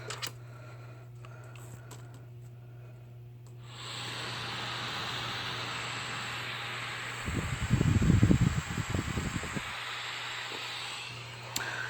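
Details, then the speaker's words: CPAP machine of an adult with sleep apnea, turned on at full blast with the mask off, not worn: abrupt steady rushing air hiss with low hum and some rustling; much quieter when sealed on face. "so that's it that's as loud as it ever sounds and that's without it connected to me so when it's connected it really makes no noise at all"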